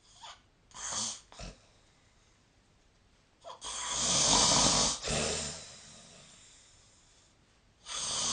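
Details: Snoring sleep sounds recorded on 2025-03-17.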